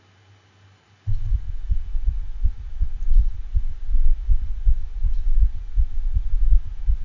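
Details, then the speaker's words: 13-year-old spayed female dachshund with dyspnea, cough, congestive heart failure and degenerative mitral valve disease, thrill over left apex: rapid heartbeat with soft regurgitant holosystolic murmur, clearer toward the end. "this is a recording of a murmur from a dog with congestive heart failure and degenerative mitral valve disease typically as a whole of systolic regurgitant quality murmur"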